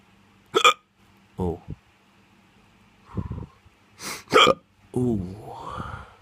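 Several abrupt gulping hiccups with soft groaning voice between them; repeated hiccups.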